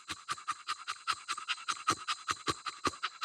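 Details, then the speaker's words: One-year-old English Bulldog stud during BOAS breathing testing, about 18 minutes into intense exercise at 85°F: rapid, regular panting near 150 breaths a minute, clean with no catch or snort; normal post-exercise panting, no airway obstruction heard. "So what you look for is really that catch. If you listen to him, it's clean. There's not a catch."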